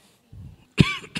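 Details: Adult pastor, still hoarse after recent travel, coughs while preaching: a low throaty rumble, then one loud, harsh cough with a voiced tail and the start of another.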